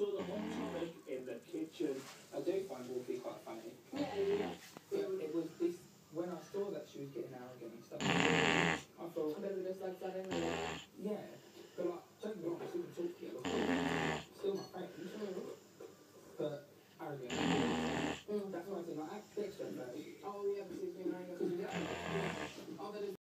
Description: My dog Kiah was sleeping and snoring so loudly it was historical I had to record